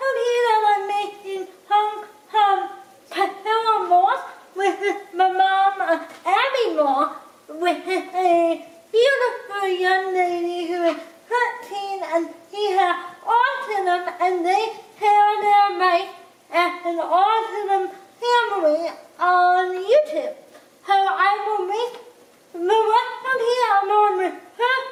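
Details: Dysarthria in a speaker with cerebral palsy.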